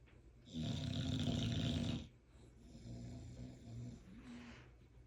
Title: Barkley is snoring like he worked a 12 hour shift, and he’s got his eyes open! CRAZY WORK #bulldog